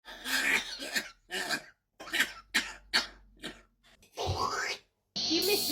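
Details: A parrot gives a string of short, harsh cough-like bursts, mimicking a man's cough; imitated cough.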